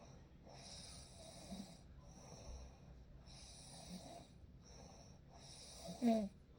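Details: Real night-time sleep recording with a baby: soft airy breathing cycles with light snoring and a faint whistling hiss throughout, ending in a brief louder snort.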